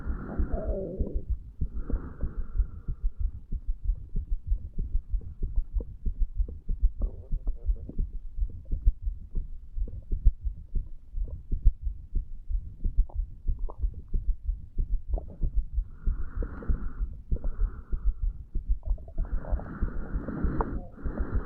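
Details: 35-year-old male lying in bed a few hours after bedtime, alcohol effects, recorded at mitral area: fast, uneven heart sounds about 95 a minute with pauses where beats drop out, skipped beats.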